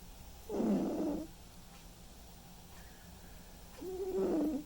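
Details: White and ginger male cat sleeping and snoring: two soft, low, rattling breath sounds about three seconds apart, over a steady low background hum.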